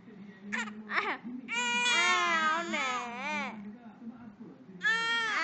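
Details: 2-month-old male infant crying in short bursts and longer wailing cries with soft fussing between, in a small room; an ordinary hunger cry, crying to get milk.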